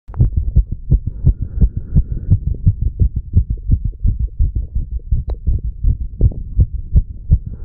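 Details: Normal heart sounds in a 35-year-old male after pull-ups and breath holds, recorded at the mitral and tricuspid areas: steady, brisk lub-dub about 85 to 90 a minute with faint chest rumble.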